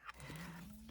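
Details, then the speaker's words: A single low, droning snore with a steady buzzing tone from a sleeping pet cat; snoring. "you can hear Daisy snoring that cat sleeps all day"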